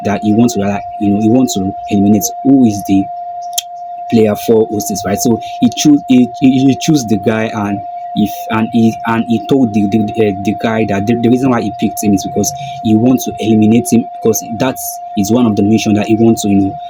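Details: Man who calls himself a stammerer; this stretch has a broken word and a repeated word; stuttering.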